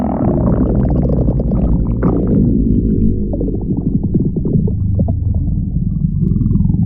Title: stomach growling again